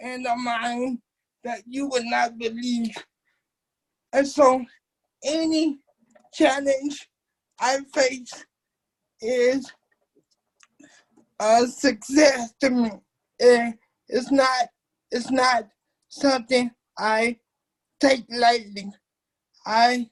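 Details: Dysarthric speech in a 27-year-old man with cerebral palsy since birth, whose muscles do not work typically; he uses a wheelchair, and doctors had told his family he would never talk.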